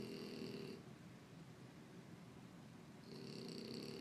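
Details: Snoring during sleep, loud enough to keep another sleeper awake: two rough, rattling breath sounds in a quiet room.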